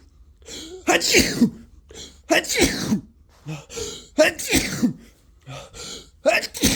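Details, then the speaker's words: Four forceful sneezes in quick succession, each a sharp in-breath then an explosive burst, from a person sick with the flu; repeated sneezing. "oh my God it's coming it's another one so intense"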